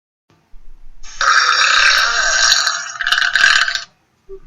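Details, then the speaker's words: A long, loud, rasping belch of about three seconds, with a short second push near the end, during a staged classroom comedy skit; burping. "without you who just burped um no okay I burped that's it go to the principal's office now"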